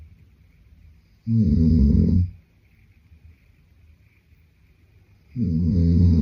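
Two loud, deep, rattling snores about four seconds apart, quiet between them; ordinary heavy sleep snoring.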